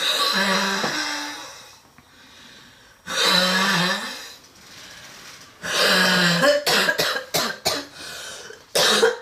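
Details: Girl in a relentless, severe coughing attack: deep, harsh coughing fits with a tight, whistling tone, loud wheezing and noisy, struggling breaths drawn in between; a cough with wheezing.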